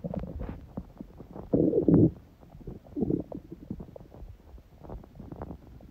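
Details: Adult's own stomach after a smoothie breakfast and salad, on a day the stomach stayed mostly quiet: soft gurgles and bubbling with a brief louder rumble, ordinary bowel sounds.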